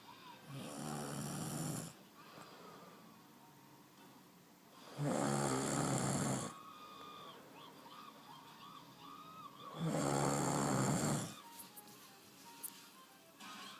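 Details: Loud, rough, rattling snores on each in-breath, about 13 a minute, with quiet out-breaths between: ordinary snoring.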